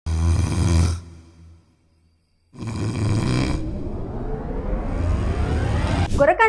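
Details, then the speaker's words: Snoring shown to promote an anti-snoring nose clip that improves airflow: loud, rough, low rattling snores on breathing in, separated by a quiet pause; snoring. "నిజంగా ఒక పెద్ద సమస్య కానీ గురక ఉన్నవాళ్ళ కన్నా కూడా వాళ్ళతో ఉండే వాళ్ళకి అది పెద్ద సమస్యగా అనిపిస్తుంది"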